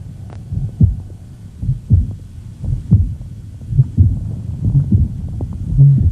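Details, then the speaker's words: Tricuspid regurgitation murmur in a woman; low heartbeats near 56 a minute with a distinctive honking murmur that swells and fades with breathing, accentuated by ventilatory effort. "now we're going to hear the murmur a little bit better note it's changed with her ventilatory effort and the character of the murmur is very distinctive it's accentuated by her ventilatory effort because of the increase in right ventricular blood volume"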